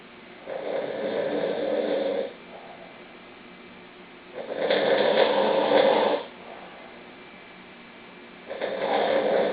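Three regular, rumbling snores, each about two seconds long, separated by quiet breathing, about every four seconds, near 15 breaths a minute.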